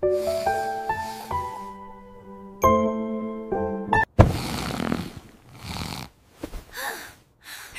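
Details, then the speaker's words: Simulated, animated portrayal of a pregnant woman snoring loudly with a gasp, set to cartoon music. Hormones are said to swell blood vessels and narrow the air passage. A sleep study is planned: snoring in pregnancy. "These happy hormones are causing the blood vessels to swell just like balloons, narrowing the air passage."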